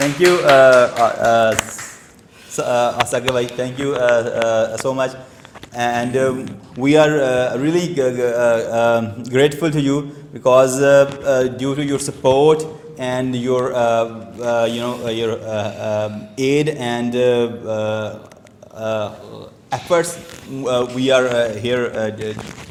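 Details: Stuttering (stammering) in an adult man who has stammered since age two.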